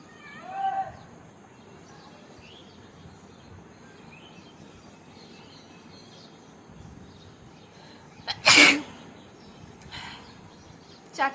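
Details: Sneezing and nose-blowing challenge: one loud, abrupt sneeze burst followed by fainter sharp nasal bursts, outdoors with birdsong in the background.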